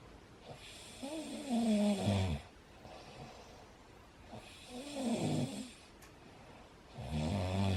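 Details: Adult man snoring loudly while a Bengal cat tries to nap on its first day in a new home; three loud, rumbling inhaled snores about every three seconds, quiet out-breaths between; heavy snoring.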